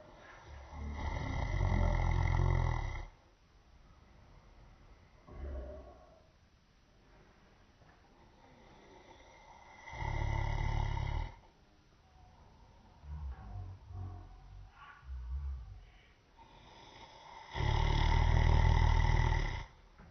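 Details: Man asleep, snoring: three loud, low, rattling snores about seven to eight seconds apart, with quieter breathing between them.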